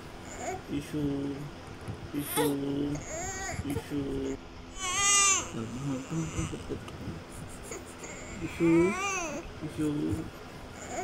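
Bursts of high, wavering infant crying with pauses between, over faint room noise; a newborn's cry.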